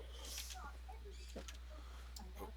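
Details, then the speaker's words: An adult's sneeze, described as sounding like a cat sneeze or a cat meowing in pain. "was that was that one of your sneezes cuz that was awesome what yes that was me sneezing that was a cat sneeze"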